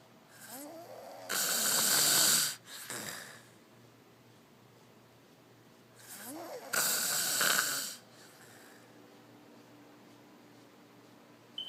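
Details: Two loud, hissing, snorting breaths with a short rattle before each, about 11 a minute; snoring, noisy breathing in sleep.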